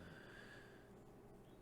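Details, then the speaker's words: A sleeping pet dog snoring in the background during a recorded card-game session: faint, low snorting breaths over a steady electronic hum; ordinary snoring. "Dog snoring in the background. I hope y'all can't hear that."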